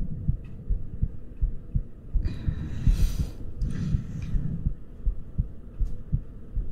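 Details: ASMR trigger recording, possibly titled after a baby rabbit: regular low thumping heartbeat at about 80 beats a minute with brief rustling in the middle; normal heartbeat.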